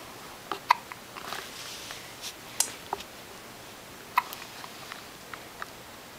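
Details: Baby girl who gets hiccups every day, with infant hiccups: a few short, sharp hiccup clicks over a steady background hiss.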